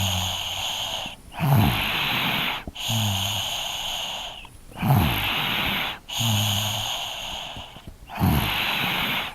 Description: Field recording snoring child 3 years old recording with zoom h2n.